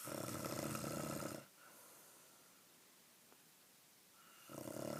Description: Evil snoring